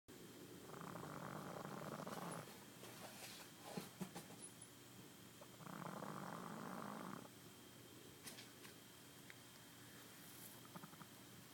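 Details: A pug snoring while lying in grass outdoors: two long, rumbling, fluttering breaths about five seconds apart, with scattered clicks and faint outdoor sounds.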